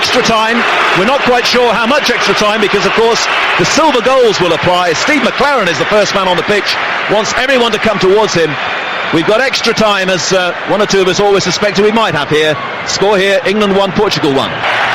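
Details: Adult male sports commentator; normal voice.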